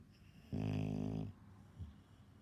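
One loud, buzzing snore lasting under a second, then a soft breath out. Loud snoring in a sleeping older dog.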